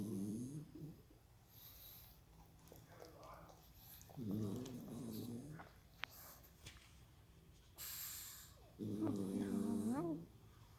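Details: Dog sleeping on its back in a bed taken from a housemate, snoring loudly. Loud snorting snores every few seconds with quiet breathing in between.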